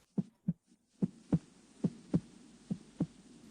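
Regular paired heart sounds, lub-dub, about 100 beats a minute over the aortic area; normal first and second heart sounds.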